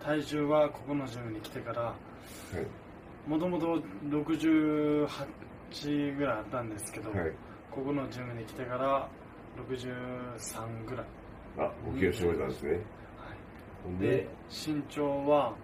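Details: Young man with dysarthria after diffuse axonal injury from a traffic accident, with higher brain dysfunction and left hemiparesis; self-introduction recorded about a year earlier.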